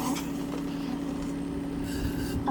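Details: Portable suction machine, JSM model SX-1E, running at its maximum setting with a flow rate of 18 litres per minute, suctioning water in a demonstration.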